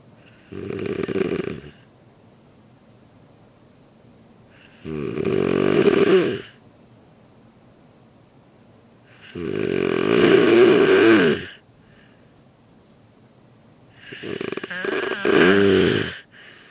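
Four loud, rough snores about every 4–5 seconds, each lasting over a second, with quiet between; ordinary snoring.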